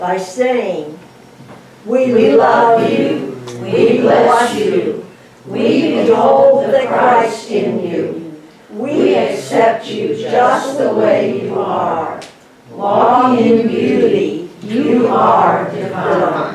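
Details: Adult speaker; normal speech.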